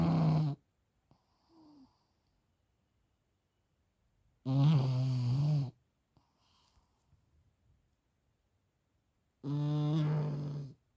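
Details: Pug snoring after eating chicken: loud, buzzing snores about every five seconds, around 12 breaths a minute, with quiet pauses between.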